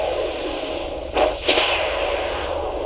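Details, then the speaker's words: Handheld Doppler following the long saphenous vein down the leg of a patient with a cling-film-covered venous ulcer and competent saphenofemoral and saphenopopliteal junctions. Two brief rushing surges over hissing background mark reflux through an incompetent perforating vein; PPG refill time was 16 seconds. "Following the long saphenous vein down the leg, the rushing sound heard at this point indicates an incompetent perforating vein has been detected."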